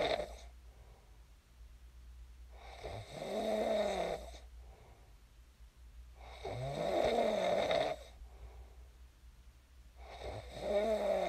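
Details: Real sleep snoring of a person who snored and then woke up: loud, throaty snores with a rising, groaning tone, about 16 a minute, soft breathing between.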